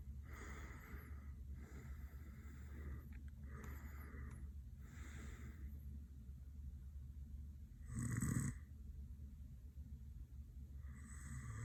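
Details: Boyfriend passed out asleep with eyes rolled and mouth open: repeated soft, rough snoring breaths over a steady low room hum, with one louder snorting breath; snoring.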